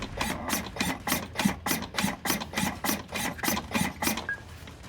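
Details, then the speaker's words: LUCAS automatic mechanical chest compression device running, started after suction is created: regular rasping mechanical strokes at about 100 per minute. "now that you're on number one you need to go to number two to create the suction before you go to number three to start compressions"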